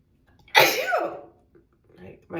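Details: Person stuffed up, face feeling swollen after being around a cat the day before: a single loud, forceful sneeze with an intake breath before it and quiet breathing after; sneezing.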